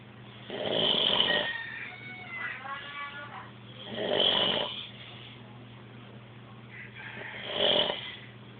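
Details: A male snoring: three loud, rough, fluttering breath sounds about 3.5 seconds apart, with a background hum; snoring.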